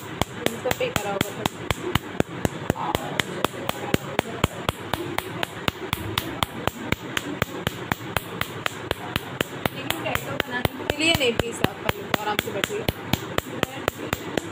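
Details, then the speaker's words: Nd:YAG laser tattoo removal: rapid, sharp snapping clicks of laser pulses, about four a second, over room noise and faint voices. "और इसमें ND याग laser से कैसे हम लोग और टैटू हटाते हैं इसके बारे में दिखेंगे"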